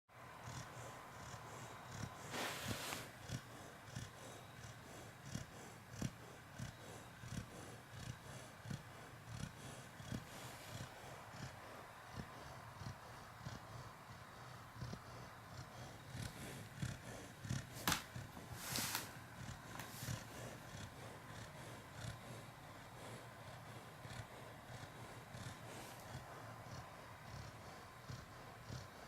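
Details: Pet snoring while sleeping on the day he was neutered: steady, low, rumbling snore so fast and even it sounds like a cat's purr; snoring.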